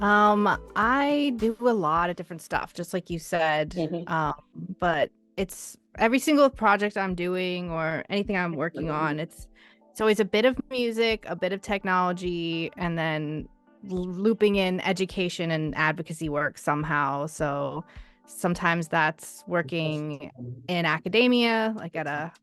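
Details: Adult woman speaking; Normal voice.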